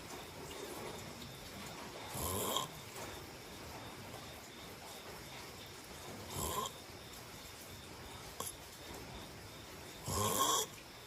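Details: Brief snorting snores recurring every few seconds during sleep over a steady hum of room noise; snoring.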